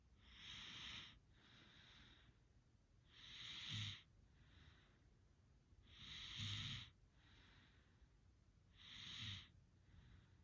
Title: Oddly satisfying Snoring sounds enjoy